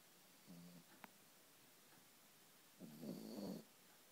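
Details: Sleeper recorded in a quiet room makes two low, rattling snores, one brief and one longer; snoring.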